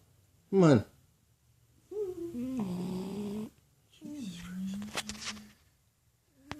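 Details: Sleeping male French bulldog: loud, drawn-out, vibrating snores with a buzzy, rumbling quality on each breath and a sharp snort in between, while the owner tries to wake him; snoring.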